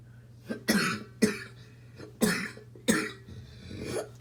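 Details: Smoker's barking cough.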